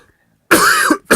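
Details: Loud, harsh adult cough burst after a brief quiet, with a second cough starting, during a recorded interview conversation on trauma; coughing recurs and speakers call it releasing.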